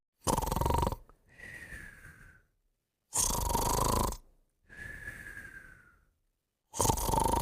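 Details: Sleeper: harsh rattling snores on each in-breath alternating with a whistling out-breath, roughly 20 breaths a minute; loud snoring with whistling.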